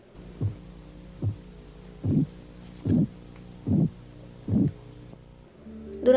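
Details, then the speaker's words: Regular soft thuds with a swishing, murmur-like quality, about 73 a minute, heard during blood pressure cuff deflation; Korotkoff sounds phase 2, tapping accompanied by murmur or crackling sounds. "al comienzo de la fase 2 el golpeteo está acompañado de un murmullo o de sonidos de crujidos"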